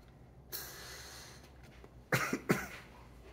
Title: Live Asthma Attack On Camera